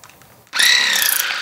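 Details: Ear irrigation of impacted earwax, both ears blocked four months with popping, itching and sharp pain: quiet room, then sudden loud high-pitched hissing whine as a modified Waterpik water jet starts, later combined with plastic curette removal.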